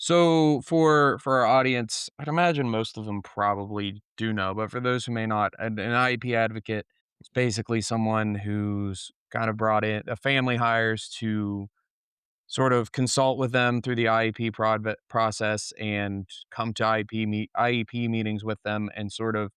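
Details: Adult speaker; typical speech.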